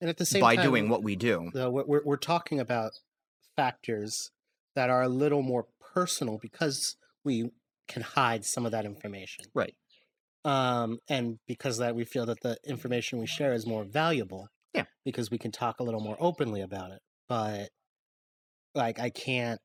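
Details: Adult man speaking; ordinary speech.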